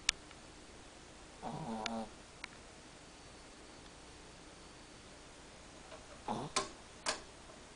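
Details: A Chihuahua snoring while trying to take a nap, making a strange sound.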